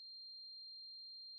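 A steady, single high-pitched ringing tone with no variation, a simulation of constant tonal tinnitus.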